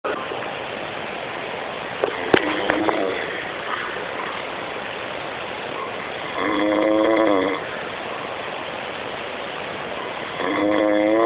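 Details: Dino snoring loudly: two loud, buzzy, tonal snores about four seconds apart over steady background hiss; snoring.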